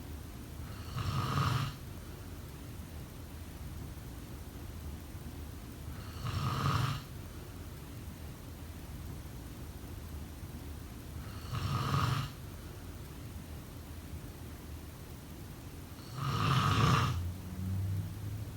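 Rough, rattling snores on each breath in, about 12 a minute, with quiet pauses between them.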